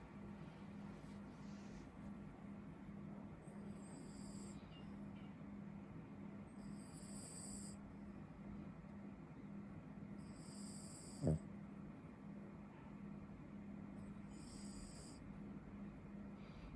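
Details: Small dog snoring while asleep: soft, regular breathy snoring, about 14 breaths a minute, with a faint whistle on each breath and one brief snort.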